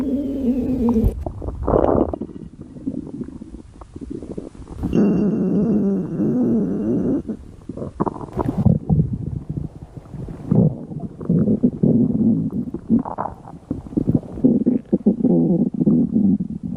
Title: Mom schoolboy runaway cute stomach growl beach